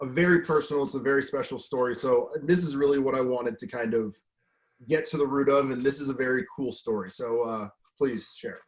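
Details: Adult male speaker; normal fluent speech.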